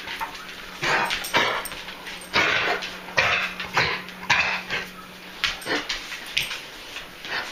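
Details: Repeated harsh, dry hacking coughs in quick bursts from three dogs with kennel cough at different stages, on day 4 of doxycycline and a cough suppressant; clear phlegm sometimes comes up.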